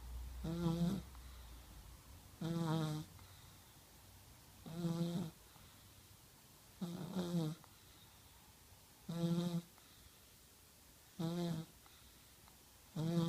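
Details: 1-year-old child snoring while asleep at night: regular low, buzzing snores on each in-breath, about 30 a minute, separated by quiet out-breaths.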